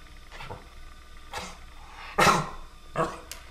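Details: Several short, harsh throaty bursts from a dog, the loudest near the middle; dog coughing.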